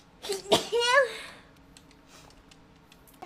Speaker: i finally sneezed on stream again